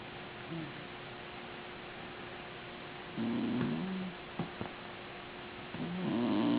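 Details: Snoring from a sleeping puppy held in the owner's arms.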